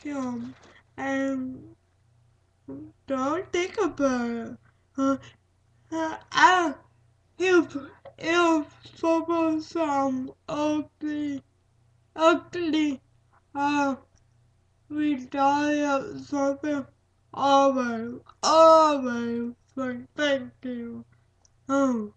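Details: Dysarthric speech in a speaker with cerebral palsy, with broken, hard-to-recognize words and repetitions.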